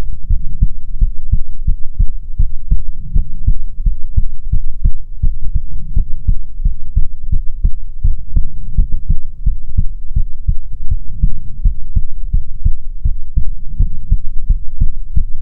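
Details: ASMR heartbeat recording: steady, deep thumping paired beats at roughly 75–80 a minute, regular rhythm, under a low hum; normal heartbeat.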